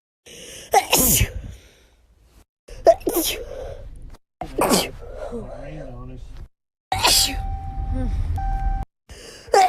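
Four forceful sneezes, each with a sharp inhaled build-up and a wet, spraying burst, separated by brief silences.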